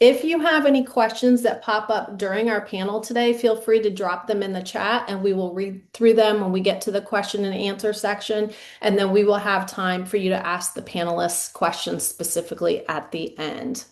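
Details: Adult woman; normal speech.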